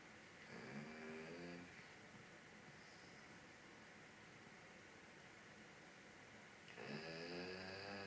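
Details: Heavy snoring in a sleeping dog: two loud, buzzing, tonal snores on inhalation separated by a long quiet pause in a quiet room.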